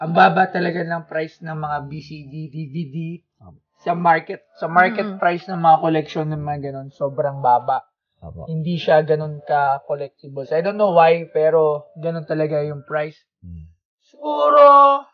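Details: Adult man speaking; Normal speech.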